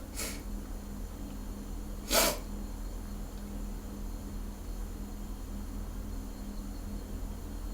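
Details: Hungover person sneezing just before a shower: two quick, explosive sneezes about two seconds apart over a steady background hum.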